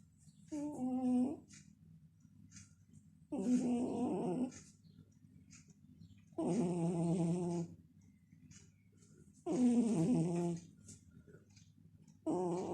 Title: Now for something totally different my snoring baby....